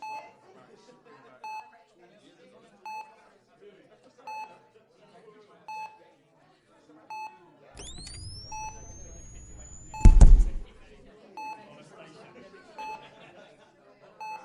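Regular single monitor beeps about every 1.4 seconds, roughly 42 a minute, with a brief rising electronic tone and a clatter in a quiet hospital room.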